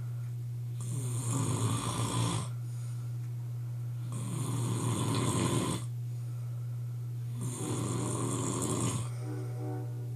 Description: My boyfriend going hard snoring...loudest in awhile